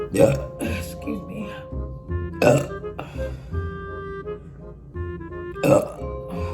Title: BURPING COMPILATION PT.3